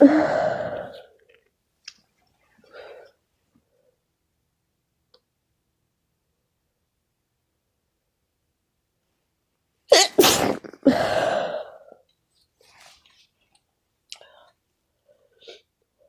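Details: Repeated sneezing in a person who has been sneezing all day from an unknown cause: one explosive sneeze, then a quick burst of two or three more after a quiet pause, with soft breathing between.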